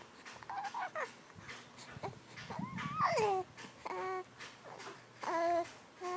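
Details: Infant recorded in a small room: short fussy cries and whimpers mixed with babbling, no clear sneeze heard in this clip.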